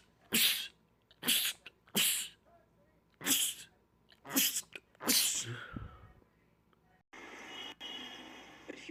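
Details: Adult man in a compilation of rapid sneezing attacks: six sharp sneezes in quick succession over about five seconds, then room noise; a rapid sneezing attack.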